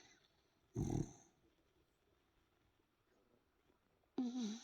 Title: Dachshund Hemi Boy Snoring like his daddy!!! 😴 🐕